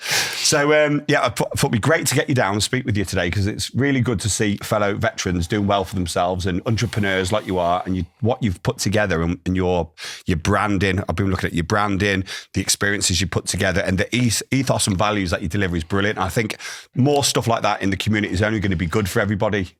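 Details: Adult man; Normal speech.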